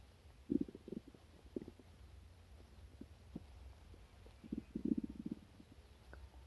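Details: Stomach growling after breakfast, which happens after chocolate milk or sweet foods: low gurgling rumbles in two bursts with quieter bubbling between, ordinary bowel sounds.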